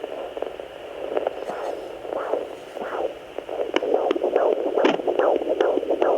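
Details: Home Doppler at 17 weeks of an IVF twin pregnancy (boy and girl); rapid whooshing pulses about 140 a minute over hiss, a fetal heartbeat.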